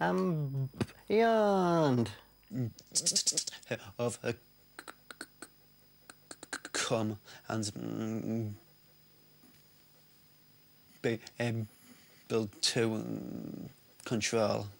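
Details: Stuttering in an adult man with a severe stammer his whole life.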